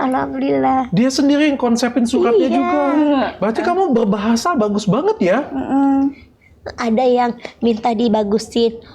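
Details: Speaker in conversation; typical speech.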